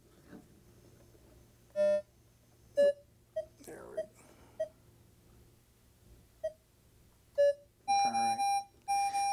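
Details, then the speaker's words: Masimo continuous pulse oximeter alarms when values leave the set limits. Repeated high electronic tones, then a steady run of alarm beeps; the silencer button mutes the alarm for two minutes. "there's our alarm. So when we get an alarm, we can hit our alarm silencer button and again that will silence the alarm for two minutes unless the problem is corrected."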